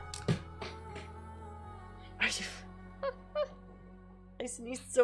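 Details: A single sharp, forceful sneeze burst over steady background music during a livestream, followed by brief thumps and short vocal sounds (headphones fell off); sneeze.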